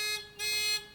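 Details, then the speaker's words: Two-note electronic alarm tones from a MEDUMAT Standard a emergency ventilator during a function check of the second pressure level; stenosis (high-pressure) alarm triggered on reaching the pressure limit. "also hearing the stenosis alarm which needs to be there"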